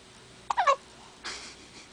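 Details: Single short, sharp voiced catch then soft breathy release; hiccups that shake the whole body.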